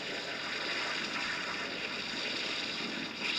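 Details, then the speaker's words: Simulation of how music sounds through an electric cochlear implant (users typically get 8–10 effective channels): dense, hissy, watery wash with no clear tune or pitch; speech is generally understandable but music is not. "para el usuario el habla generalmente es comprensible con la música es otra cosa así suena la música con unicef"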